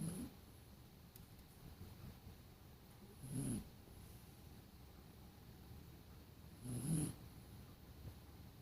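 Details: Sleeping dog snoring: soft snores about every three to four seconds, with low rumbling on the breaths.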